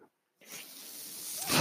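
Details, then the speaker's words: Adult podcaster's mechanical ventilator delivering a breath: after a brief pause, a steady airy hiss builds and grows louder over about a second. "hello everyone my name is that noise you're hearing my ventilator and welcome to page-turners"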